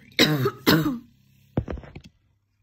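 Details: Morning chesty barking cough: two harsh, loud barking coughs, then a shorter rattly throat-clearing sound.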